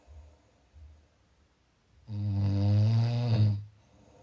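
Two soft breaths, then one loud, low rattling snore lasting about a second and a half.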